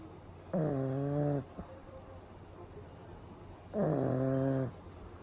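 Two loud, low, rattling snores about three seconds apart, with quiet breathing between them, from a sleeping small flat-faced dog.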